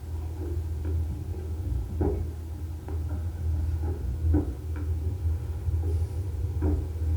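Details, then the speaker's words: Slow, faint heart thumps spaced well apart over a constant low rumble, heard in a bear's dark den tunnel (10–15 feet long); the slow rate suggests an older bear: slow heartbeat. "that's the heartbeat that that dark tunnel which can be 10 12 15 feet long is once in a while is throbbing with the sound of the heartbeat and if it's slow like that it's probably an older bear and you better be careful"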